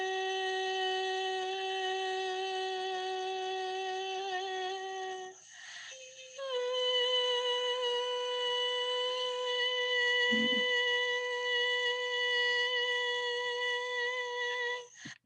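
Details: Normal phonation on a sustained low-pitched note, shown on a vocal-fold scope view; the low pitch comes from relaxed vocal folds.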